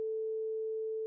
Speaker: and as such the sound of the vibrating tuning fork should still be heard this describes a positive renee test